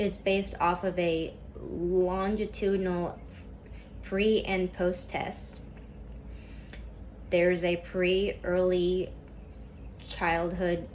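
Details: Female student who stutters reading a class PowerPoint presentation aloud, with a lot of tension at first that eases as the reading goes on; stuttering.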